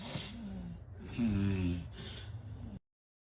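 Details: Adult female family member (mother or sister) asleep: a loud, rough snorting snore on the in-breath, with quieter breathing before and after; snoring.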